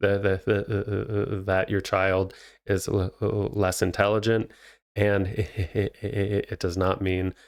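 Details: Adult male speech therapist who has stuttered himself, speaking naturally with real (not acted) stuttering; finding: stuttering.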